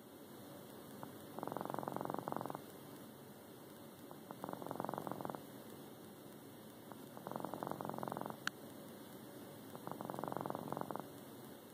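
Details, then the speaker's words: Sleeping cat snoring: four soft rattling, purr-like bursts about every three seconds, each lasting about a second; the owner had never heard him snore before. "That's how he's snoring. Never heard him snore before."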